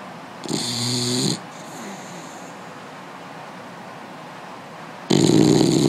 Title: Baxter snoring